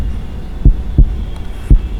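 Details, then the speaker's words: Normal healthy heart sounds via stethoscope auscultation: low, dull lub-dub, S1 and S2 only, slow regular rate about 57 a minute. "in a normal healthy heart there are only two audible heart sounds that is that are s1 and s2"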